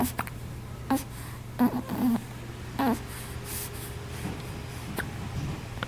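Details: Hiccups: brief, abrupt little catches of voice recurring about five times in six seconds over a quiet room hum.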